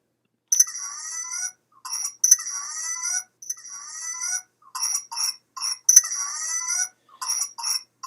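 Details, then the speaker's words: 4-month-old infant with a week of runny nose and coarse cough progressing to intermittent, severe, tight cough; bursts of short tight coughs alternating with long high-pitched whistling breaths, heard in clinic: paroxysmal cough. "States child has had a week of a runny nose and a coarse cough, but then progressed to this intermittent, much more severe and tight cough. And in the clinic, you notice this sound."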